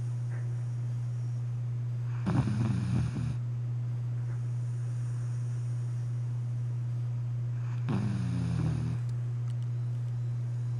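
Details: Five-month-old Vizsla puppy snoring on the couch at night: two rough, rattling breaths about six seconds apart over a steady low hum.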